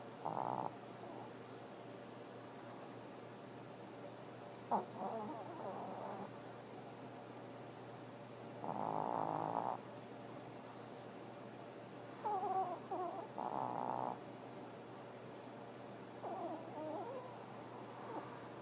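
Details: Pomeranian dog half asleep, peeking with one eye while continuing to snore: soft, irregular snorting breaths over a steady background hum.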